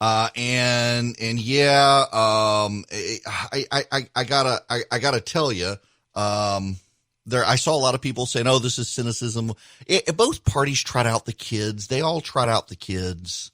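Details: Adult male radio host who stuttered as a child; he says it still shows when he is tired and reports being tired this morning; stuttering.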